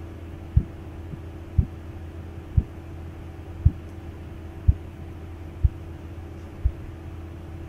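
Soft, muffled, regular low thumps at about 60 a minute over a steady hum: Korotkoff phase IV.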